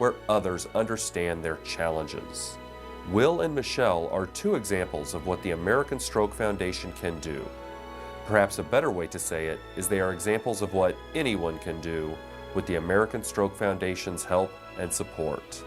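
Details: Adult male narrator; normal speech.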